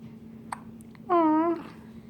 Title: Cutest Baby hiccups!